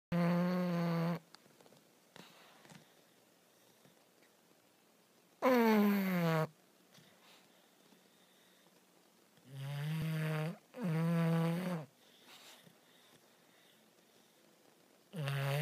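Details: Loud buzzing snores in bursts, about four over fifteen seconds, separated by quiet pauses; snoring.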